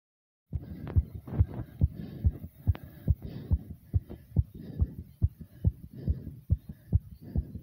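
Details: Uploader's heartbeat after over 50 jumping jacks: fast, strong, regular beats at about 140 a minute with heavy breathing, a normal response to exercise.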